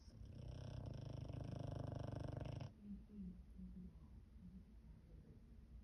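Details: Snoring in an elderly pug with worsening dog dementia: a deep, rapidly fluttering snore for about three seconds, then quieter soft breathing noises.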